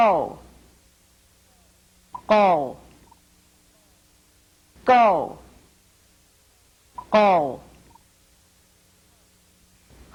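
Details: Words in cleft palate speech where k and g are replaced by unvoiced and voiced pharyngeal stops, before and after vowels; pharyngeal stop substitution for k and g.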